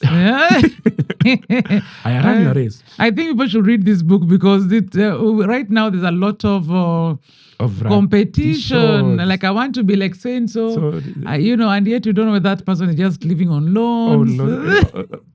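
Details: Adult male speaker in conversation; conversational speech.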